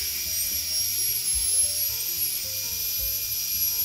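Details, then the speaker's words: Steady high-pitched dental drill whine with slight pitch shifts, depth-limiting laminate bur trimming about 0.5 mm of a protruding surface of a model tooth for veneer preparation: dental drill cutting tooth. "삭제하고 나면 이 부분이 이제 갈리게 되고요. 또 반대편에서도 또 삭제를 합니다."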